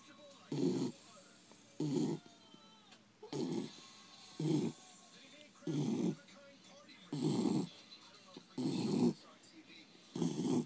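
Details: Regular, loud, rattling snores at about 45 a minute with faint background sounds, sleeping in father's lap after a hard day outside; ordinary snoring.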